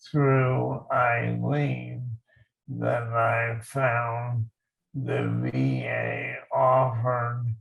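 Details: Male army veteran living with ALS since his 2014 diagnosis; dysarthria (ALS).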